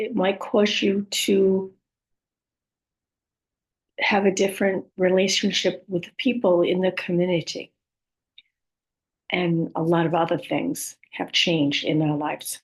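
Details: Adult woman with communication challenges after a stroke that make her speech sometimes hard to understand; post-stroke aphasia with halting speech.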